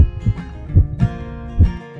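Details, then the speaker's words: Simulated steady lub-dub heartbeat, about 75 a minute, in a human heart anatomy lesson, over soft background music; normal heartbeat. "you must have often felt a constant lub dub on the left side of your chest isn't it there is a special organ inside the body that makes this sound do you know which organ inside the body does this well it is the heart that makes this sound"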